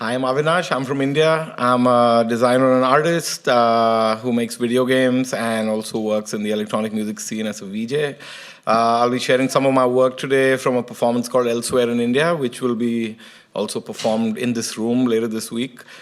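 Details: Adult male speaker; Normal speech.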